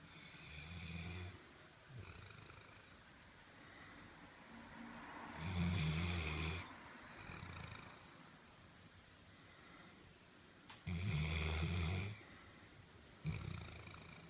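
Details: Old dog snoring while asleep: low, rumbling snores recurring with each breath, some louder than others, in a quiet room; ordinary snoring.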